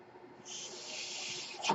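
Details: Mechanical ventilator airflow: the speaker's own ventilator during a pause in his podcast speech, a steady airy hiss that rises, holds for about a second, then ends with a brief click.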